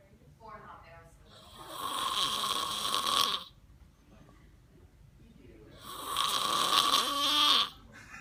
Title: Christmas Day snore